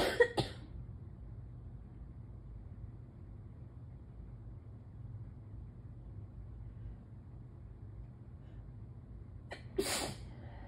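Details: Morning allergy sneezing: two short explosive bursts at the start and another near the end, with quiet between; sneezes.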